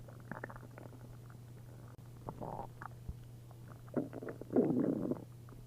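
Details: After drinking a liter of milk and a liter of prune juice, an upset stomach gives bursts of liquid gurgling and bubbling over a steady low hum as fluid moves through the gut: hyperactive bowel sounds (borborygmi).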